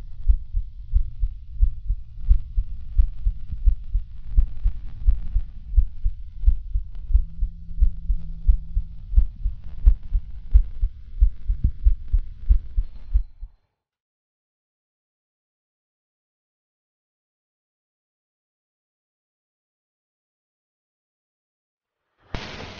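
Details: Heart sounds of a patient heard through a digital stethoscope with a dual chest piece, connected to a computer for recording: regular low heart thumps at about 88 beats a minute, then silence and a brief click.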